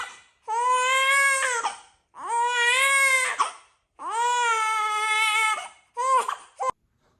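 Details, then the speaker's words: Newborn baby girl with colic who cries when laid down and settles when held: loud, sustained, high-pitched cries in long bouts with brief breaths between. "बहुत ज्यादा रोती है इसको colic का बड़ा issue है जिसकी वजह से यह बहुत ही ज्यादा रोती है बेचारी डिस्टर्ब होती है उसे पेन होती है"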